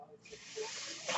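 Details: Speaker's own real mechanical ventilator during podcast recording: a steady rushing air hiss builds, then swells briefly at the end as a breath is delivered; mechanical ventilator airflow.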